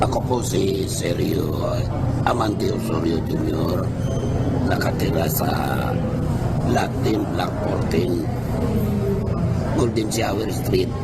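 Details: Older man after total laryngectomy in 2018, with a neck stoma, speaking without an electrolarynx; alaryngeal speech after total laryngectomy.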